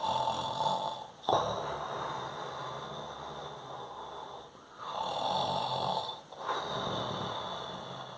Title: Snoring Sound // Sleeping Time Nose Sound